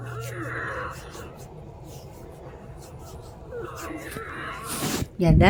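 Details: Loud wheezing in a female patient, recurring about 5½ hours after her last treatment before a DuoNeb nebulizer treatment: musical, whistling sounds on the breaths from narrowed airways, recorded over her lungs.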